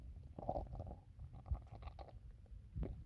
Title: stomach noises from drinking water